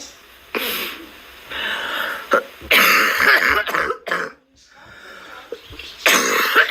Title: coughing sound effect